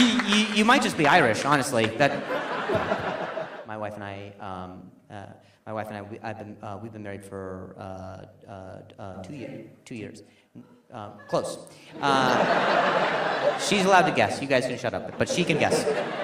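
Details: Stuttering in a male stand-up comedian, with audible word and phrase repetitions; he says noise and people talking near him make him stutter.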